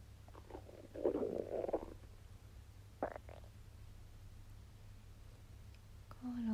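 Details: Belly while digesting a wagyu steak: bowel sounds (borborygmi) during digestion.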